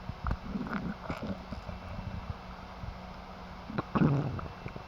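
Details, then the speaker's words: Abdominal auscultation with a warmed stethoscope diaphragm held lightly on the right lower quadrant over the ileocecal valve: intermittent soft, high-pitched gurgling, cascading sounds, normally 5–30 per minute; normal bowel sounds. "note the character and frequency of bowel sounds which typically are high-pitched gurgling cascading sounds that occur intermittently five to thirty times per minute do not count the bowel sounds but determine if they are normal hypo active or hyperactive normally they sound like this"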